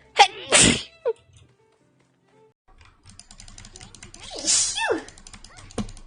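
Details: VTuber who says they have allergies, nose bothering them: a couple of quick sneezes, then another sneeze, over background music and faint voices; sneezing.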